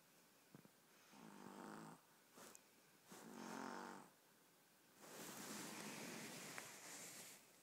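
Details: 15-week-old puppy fast asleep, snoring: soft, rhythmic snores with noisy breaths about every two seconds, roughly 30 a minute.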